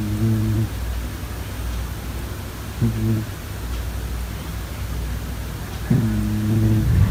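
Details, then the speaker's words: Sleeping pet cat snoring: three brief, low, buzzing purr-like snores over steady background hiss, recorded up close; ordinary snoring. "夏在打呼，待会给大家听一下小夏打呼的声音吧。我们就来靠近一点。"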